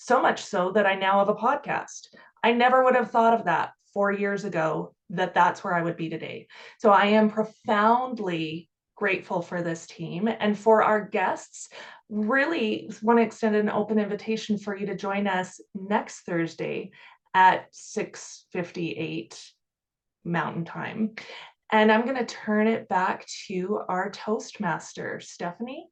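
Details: Adult woman speaking; ordinary speech.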